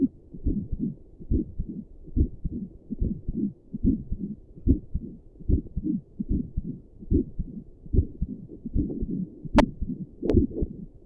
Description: My heartbeat while sitting at my desk for five minutes.